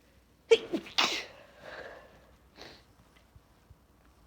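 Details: Adult female with pollen allergy on a high pollen count day: a stifled sneeze, then a full explosive sneeze with trailing breath; allergic sneezing.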